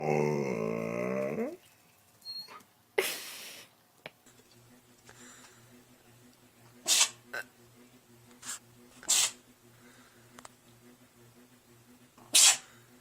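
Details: Pet sneezing among dogs and cats: a yawning whine, then several short sharp bursts of air, a run of sneezes.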